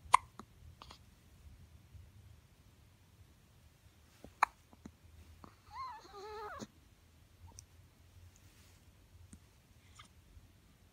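Faint, sharp, irregular little clicks in a quiet room, with one brief high squeak. Hiccups in a small animal.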